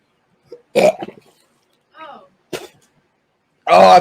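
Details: Several short, harsh cough bursts with gasping between them after eating sour pickle-flavoured balls in a challenge; coughing fits in an otherwise quiet recording.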